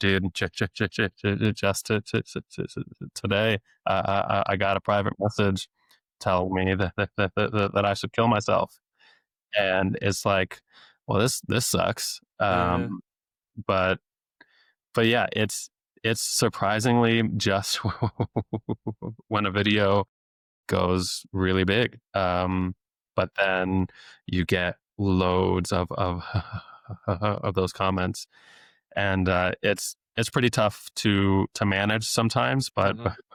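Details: Stuttering since age eight in an adult male speech-language pathologist who deliberately lets it show; frequent sound, word and phrase repetitions.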